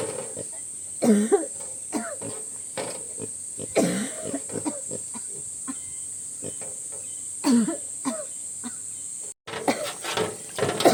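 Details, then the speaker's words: Woman whose cough was becoming more severe: repeated harsh coughing bouts with throat clearing over a constant high-pitched insect-like background whine; someone tells her she coughs too much and should go rest. "Ho nhiều quá đi trên nghỉ."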